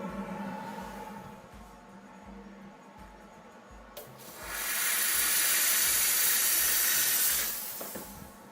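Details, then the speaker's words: Steady loud hiss of a steam cleaner for about three seconds over low rhythmic background noise, steaming a bur while trimming acrylic during Hawley retainer fabrication in an orthodontic lab. "uh and then you don't have to get that close when you're using a burr actually going to steam this bur real quick"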